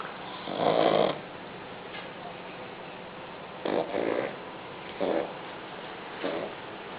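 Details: Young pug snoring during an afternoon nap: repeated rough, rattling breath noises, about four in seven seconds, from a small flat-faced dog; snoring.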